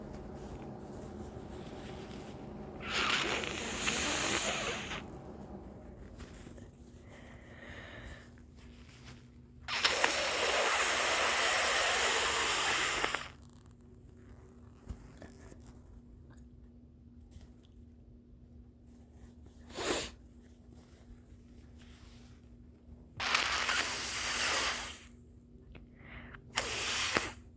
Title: Early-morning congestion, with loud, squeaky nose-blowing and coughing 🤧😫😅😪😴